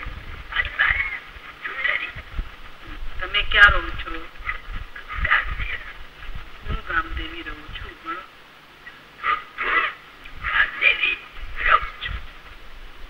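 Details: Alaryngeal (esophageal) speech after laryngectomy in a male patient speaking without a prosthesis, currently with a cold and cough that worsen his usually good voice.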